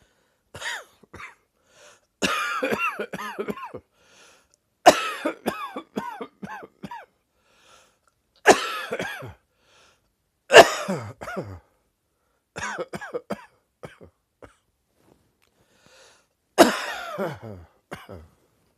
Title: Dry Autumn Cough